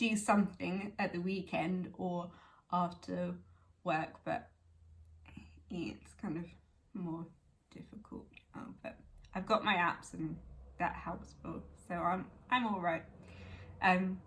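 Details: Woman with aphasia 11 years after a stroke at age 18, speaking spontaneously; aphasia.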